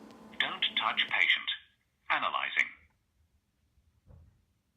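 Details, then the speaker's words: Recorded voice prompt from a Zoll AED Pro defibrillator after the pads are attached to the patient, in a quiet room. "a metronome beat indicates CPR at the correct speed CPR of poor depth will be indicated by the unit"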